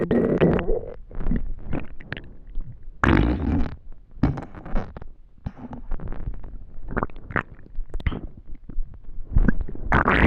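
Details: Hunger stomach noises (borborygmi): irregular, low gurgling and rumbling bursts from the abdomen.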